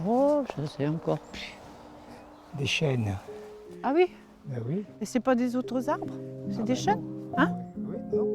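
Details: Patient with semantic dementia, with shrinking vocabulary, trouble understanding certain words and trouble identifying objects and people; semantic dementia (semantic anomia).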